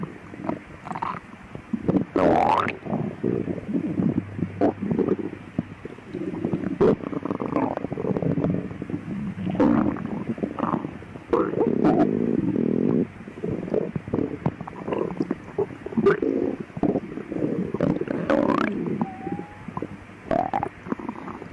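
Loud, frequent gurgling and rumbling from the abdomen, with long low growls between shorter bubbling bursts.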